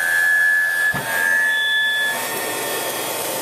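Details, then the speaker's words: Mechanical insufflation-exsufflation (cough assist) machine for a patient who cannot cough: it inflates the lungs and then exhales to clear fluid, loud like a vacuum cleaner. "He can't cough, and so this machine helps to inflate his lungs, and then it does an exhale to help remove any of the fluid that may have gotten stuck in there. So this is a little bit loud. Again, it sounds pretty much like a vacuum cleaner."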